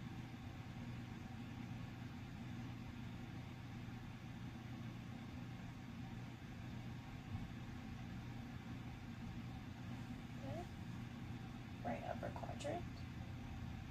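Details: Normal bowel sounds heard through a stethoscope during a student nurse's abdominal assessment, listening in all four quadrants: a steady low rumble with a couple of brief, soft gurgles near the end.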